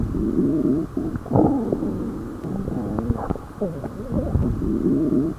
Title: stomach growling